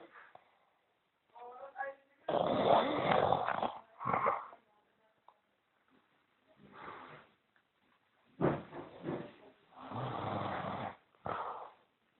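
Loud, rough, rattling snores in irregular bursts, some long and some short, with quiet gaps between; ordinary snoring.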